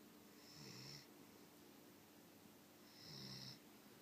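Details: Snoring: two soft snores about two and a half seconds apart, each a low buzzing rattle with a hissy edge, over steady room hiss.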